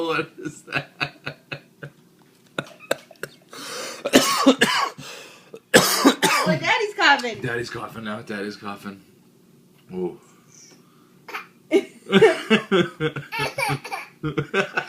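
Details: A young child gives several harsh coughing bursts mixed with voiced sounds and throat noises in a small room, acting rather dramatic; cough.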